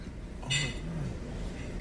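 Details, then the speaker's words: Natural hiccup recorded at home: a single sharp, noisy gasp with a brief voiced catch and a short trailing sound; an unusually loud, gasping hiccup. "it sounds like you're gasping for air and like nobody in your family cares what yes what's that what's that that's that sounds painful does it hurt when you hiccup"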